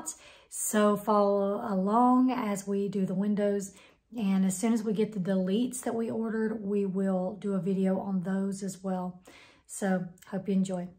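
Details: Adult woman speaking; Normal speech.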